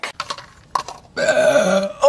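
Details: Woman after eating a whole Subway sandwich in five minutes: a few short throat sounds, then one long, loud, rumbling belch lasting nearly a second; burping.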